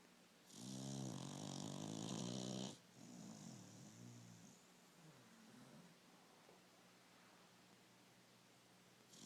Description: 30 seconds of my beagle, Iris, snoring :)